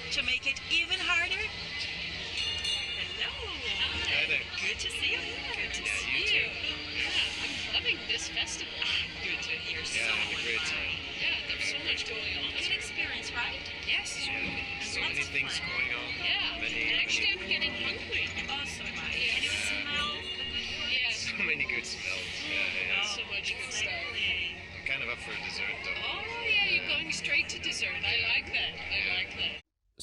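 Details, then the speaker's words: Hearing aid output with the MultiFocus directional program off: a noisy amusement-park food-truck scene recreated in a 45-speaker spatial sound lab, with dense crowd chatter, music and clatter from all directions and no single voice standing out. "次のクリップは、遊園地のフードトラックからのデモです。騒音が大きく、迷惑で、あらゆる方向から音が聞こえてくるため、聞き取りにくく、特に補聴器を装着している人にとっては、賑やかではありますが、特に聞き取りにくい環境が生じています。"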